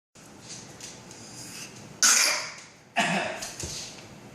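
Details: Child gives two short, sharp coughs, deliberately faked rather than an illness cough: voluntary (fake) cough.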